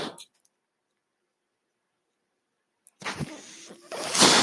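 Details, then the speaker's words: Mechanical ventilator sound from the speaker's own ventilator during a podcast: a brief airy puff, a pause of silence, then a rising mechanical hiss of airflow. "name is are that noise you hear is my ventilator and thank you for tuning in to page-turners"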